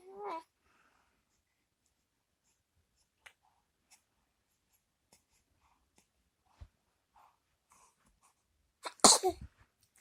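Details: Single sharp explosive sneeze from a small animal, after a short meow and quiet clicks: sneezing.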